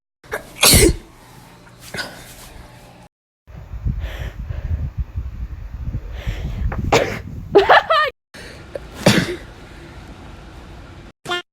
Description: sneezing for views since '01.